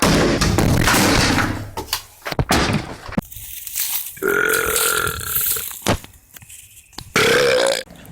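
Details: Man burping in a compilation clip: several loud, drawn-out, croaky voiced belches with short gaps and background noise.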